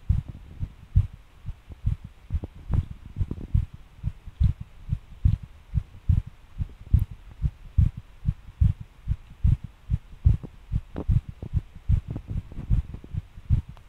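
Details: Palpitations recorded while getting off, when the person suddenly felt the pace change: strong, low heart thumps with uneven spacing and varying force, an irregular, hard-pounding fast heartbeat.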